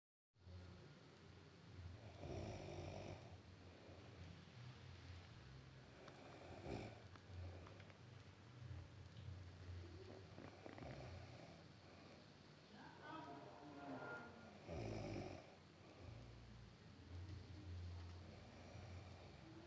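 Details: Husband snoring at night: deep, low rumbling breaths repeating every four to five seconds, about 13 a minute, under a steady room hiss.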